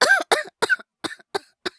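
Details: Acted cough, all performance: a male voice actor plays a young boy with a cold insisting on going to school, giving six short, fairly dry coughs in quick succession, the first ones fuller, then fading.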